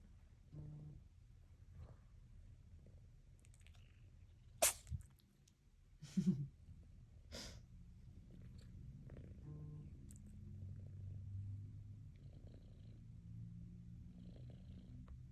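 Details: British Longhair cat sneezing about three times: short sharp bursts against quiet room noise.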